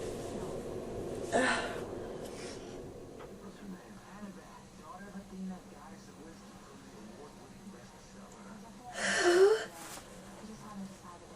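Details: Adult with a cold sneezing in bed: two sneezes several seconds apart, with quiet breathing and stirring between them.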